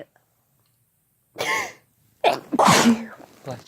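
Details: Two sneezes close together from a male and a female adult sneezing together, each followed by a brief spoken "bless you"/"thank you" reply.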